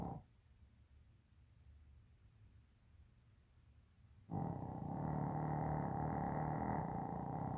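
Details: Dog snoring, extremely loud; snoring.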